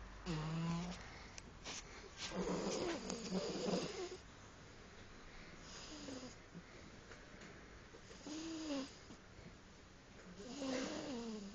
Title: Mi gata roncando / My cat snoring